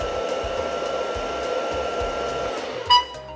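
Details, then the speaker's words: Ventway Sparrow ALS portable transport ventilator running its patient circuit self-test, started with the V logo, patient side unblocked and external O2 disconnected: steady motor whine with faint rhythmic low pulses, ending in a short electronic beep. "press the v logo to start the patient circuit test make sure that there is nothing blocking the patient side of the circuit and the external O2 source is not connected to the inlet Port of the ventilator"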